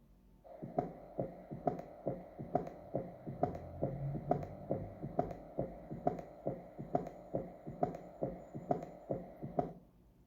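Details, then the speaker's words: Practice heart sound: regular beats about 68 a minute with an extra low sound forming a gallop. Listeners identify it as an S3 gallop, though one suggests S4 and possibly mitral stenosis. "ruido lo identificó como un s 3 o de galope por el ruido típico de una caminata de un caballo"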